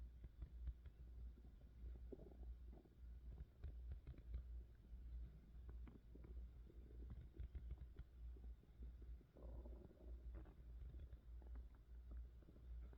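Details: Adult woman's hunger-related stomach growling recorded close to the belly: soft, low gurgles and rumbles continuing throughout under a low hum; borborygmi.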